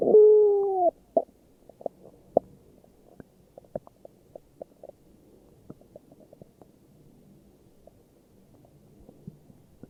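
A drawn-out gurgling squeal, then many small scattered pops and gurgles: ordinary stomach growling from gas and fluid moving in the gut.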